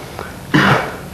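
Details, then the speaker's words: One short, soft, low-force unassisted cough from a patient with respiratory muscle weakness (spinal cord injury/neuromuscular clinic), peak cough flow about 140–150 on the meter, well below 300; weak cough before breath-stacking and assisted cough techniques. "and doesn't have all the muscles to produce a strong cough so I'm going to give an example of what his cough looks like just on his own"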